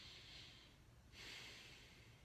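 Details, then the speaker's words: Diaphragmatic (lower costal) breathing demonstration, one hand on chest and one on stomach so the stomach rises and the chest doesn't: a slow, audible breath in and out through the nose. "Another way that I've done it before is where you put your hand on your chest and then your other hand on your stomach, and you're making sure your stomach rises and your chest doesn't move when you breathe in."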